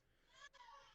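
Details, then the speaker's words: Faint, brief wailing cry of an infant in the background of a quiet room during a podcast recording; ordinary baby crying. "Can you hear my baby crying in the background? I can. That's it's a family podcast. Yeah, Sometimes you get a being a barky terrible dog, sometimes you father. get a crying baby."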